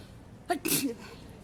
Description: The sneezes continues .....